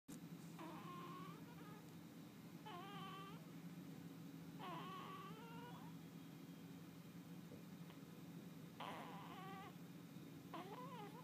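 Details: A newborn baby making sleeping sounds: soft, brief squeaks and whimpery grunts every few seconds over a steady low hum; ordinary newborn sleep noises.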